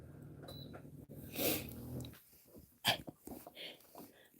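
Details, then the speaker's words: A resting pet dog snoring indoors: a low, rumbling snore followed by a few short snorting breaths in a quiet room. "Junior snored air okay I'll turn the heater off you'll hear him in a minute"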